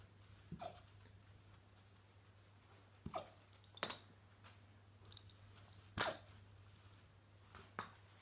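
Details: Malamute puppy's first hiccup episode: five brief, sharp hiccup bursts at irregular intervals in a quiet room with a steady low hum; puppy hiccups.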